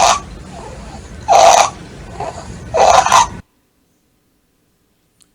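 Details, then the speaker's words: Same child with critical congenital subglottic stenosis (about 90% narrowing) who was still at home: harsh, high-pitched stridor on every breath, heard in both phases, a biphasic stridor. "escuchan las dos fases de trifas por lo tanto podemos decir que estos niños no es una apariencia de cuerdas vocales que tiene ese ruido inspiratorio con una aleatoria tan alta"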